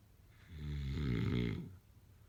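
A single deep, rumbling snore on the in-breath, about a second long, against a quiet room.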